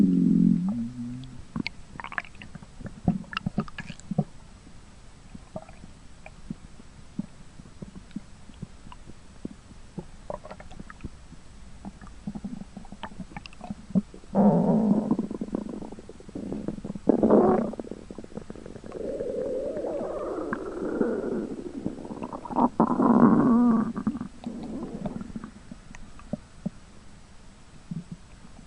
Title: Yoshka the skunk's stomach growling